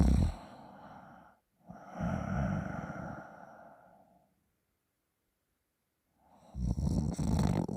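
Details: Irregular, coarse, rattling snores separated by a few seconds of silence from a sleeping person.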